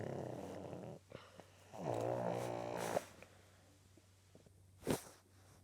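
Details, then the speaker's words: Flat-nosed dog snoring, rough rattling snores with fluttering buzz on breaths then a short snort; owner says she is not even asleep; snoring. "Why do you snore? You have a flat nose, I know that, but stinky. Rudy, please stop snoring."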